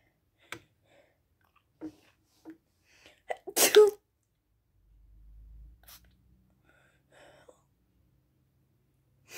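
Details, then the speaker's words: One gasping intake then a loud, wet, explosive sneeze in a quiet room from a person with a bad head cold, taking cold medicine; sneeze. "So I can actually feel a sneeze coming right now."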